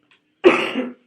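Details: A single short, harsh cough from an adult, close to the microphone in a quiet room.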